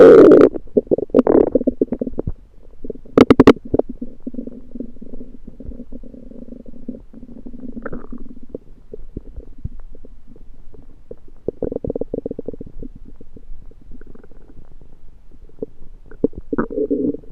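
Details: Loud borborygmi: long gurgling, rumbling stomach noises with bubbling crackles and brief squeaky tones, late after eating a home-cooked meal the person thinks was undercooked, late February 2023.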